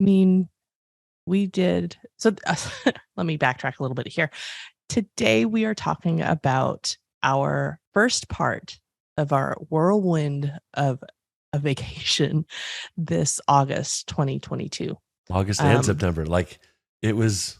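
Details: Adult speaker; unaffected voice.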